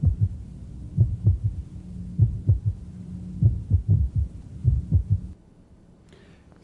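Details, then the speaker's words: Third heart sound; the low soft S3 fades, then returns loudly after a premature ventricular contraction. "almost gone away was getting hard to hear and then you hear the PVC and bang it's coming back with a vengeance"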